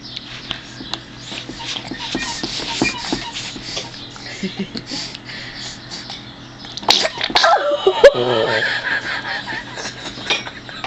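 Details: Young child sneezes suddenly at a meal while eating oatmeal with peaches: small sounds and chatter, then an explosive burst of air with a spray-like hiss.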